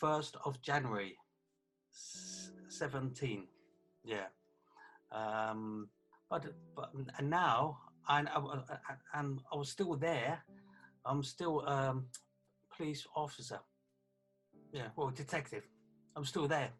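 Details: Aphasia affecting communication in a 48-year-old man after a stroke with brain swelling on 1 January 2017, about three years earlier, also leaving a limp leg.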